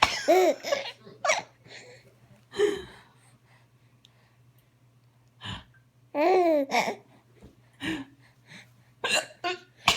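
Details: Hiccups from an adult (mother): several brief, sharp, irregularly spaced hiccup sounds between bursts of a baby's high, bubbly laughter.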